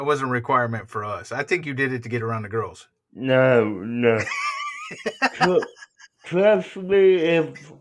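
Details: Adult male speakers in a small room; conversational speech.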